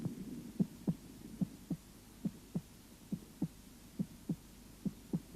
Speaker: аускультация сердца начинается с выслушивание верхушки для отличия 1 тон от 2 звуковые явления сопоставляют с верхушечный толчком или пульсацией сонной артерии